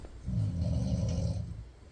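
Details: Steady snoring of a sleeping woman recorded around 5:11 a.m., breathing in and out in rhythm; snoring.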